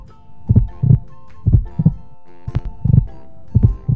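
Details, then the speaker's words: Child's heartbeat used as a steady-beat example: regular lub-dub, about 60 per minute, each pair one strong and one softer beat over a low hum; normal heartbeat. "Hindi ba't parang ganyan ang tibok ng kanyang puso at ng tibok ng ating puso? Ang tibok ng ating puso ay isang malakas at isang mahina."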